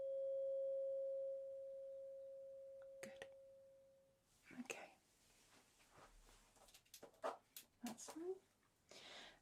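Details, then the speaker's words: Weber test in a simulated ASMR cranial nerve exam: a tuning fork is placed on the centre of the head, and the patient is asked whether the tone is heard equally on both sides. "and this is the tuning fork which I'm going to be popping onto the center of your head okay and I want you to tell me if you can hear the sound and if it sounds equal on both sides okay"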